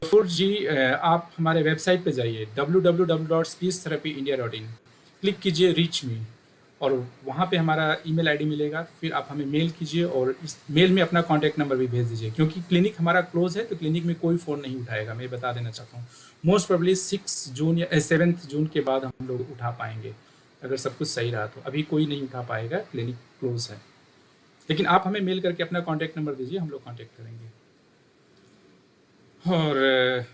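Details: Adult male speaker; normal speech.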